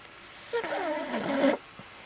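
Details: Boston Terrier sleeping with one eye open, snoring: one short, squeaky, wavering snore about a second long, then quiet.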